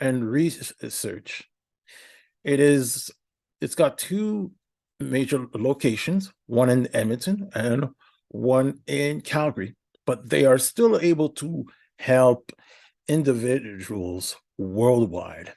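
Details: Adult man with a speech impediment for about a decade, noticed by his family, treated at the Institute for Stuttering Treatment and Research; his therapist noted incorrect breathing patterns, and he is possibly worse when nervous or stressed: stuttering (disfluent speech).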